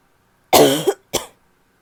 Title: annoying barky cough (f)